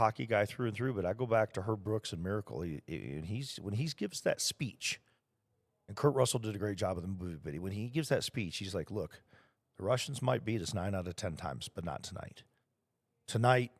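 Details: Adult male speaker; normal voice.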